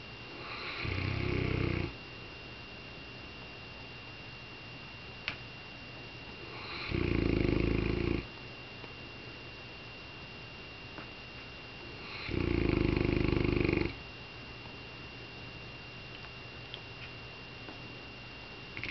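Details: A Saint Bernard snoring, said by its owner to be dreaming about chasing cats: three deep rumbling snores at steady intervals, about eleven a minute, with a faint steady hum behind.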